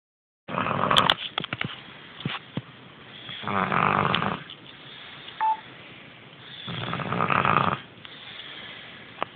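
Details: A sleeping person snores three times, loud and rattling on in-breaths about every three seconds, with scattered clicks and small noises between: snoring.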